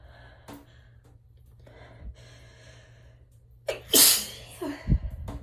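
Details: Sneezing in the shower after repeated sneezing: quick gasping breaths build up, then one loud explosive sneeze and a smaller follow-up, in a small echoing room.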